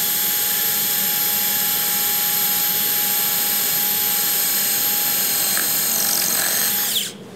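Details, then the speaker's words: Surgical power drill used freehand, without the guide, during tibial tubercle osteotomy, drilling through the tibia: continuous high-pitched whine that stops abruptly. "so now we're going to actually drill and you can use it you can use the guide there's actually a guide that we can use also I'm going to just freehand this right now"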